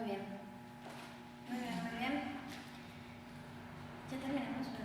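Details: Adult woman speaking; Typical speech.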